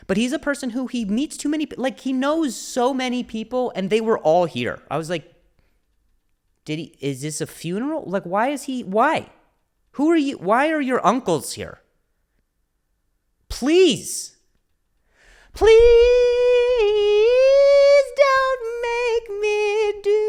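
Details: Stuttering, a speech impediment, in an adult male comedian speaking on his solo podcast.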